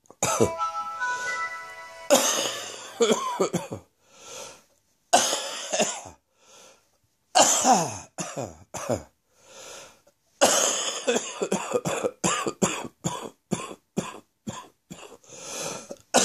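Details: Wheezy chesty morning cough: repeated bouts of harsh, wet, productive coughing with wheezy breaths drawn in between bouts.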